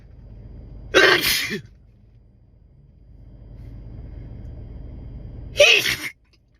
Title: Spray Sneezing